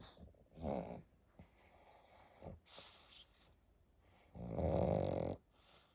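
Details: Sleeping pug waking after a long nap: short snorts and snuffles, then one long loud rattling snore, the noisy breathing of a flat-faced dog.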